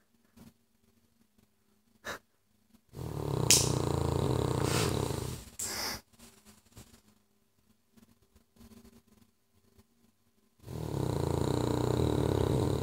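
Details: Cavalier King Charles spaniel snoring: two long, loud, rough snoring breaths with a whistling snort between them, separated by quiet pauses.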